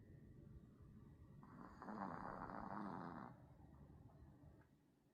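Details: Sleeping Pomeranian puppy giving a soft, rattling snore on an indrawn breath, with quiet room noise around it; snoring.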